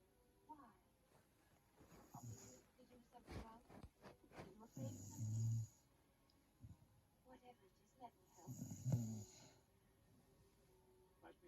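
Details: Mother snoring: low rough snoring noises with each breath, about 17 a minute, with Star Trek television dialogue playing in the background.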